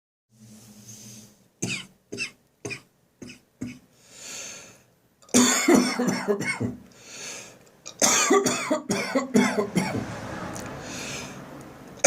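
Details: Dry morning cough lingering after bronchitis and now clearing, with no gagging or phlegm: bursts of dry, hacking coughs in quick runs separated by short breaths.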